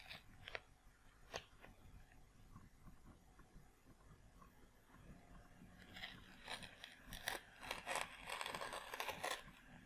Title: ASMR | Ear wax removal most impressive (Part 07)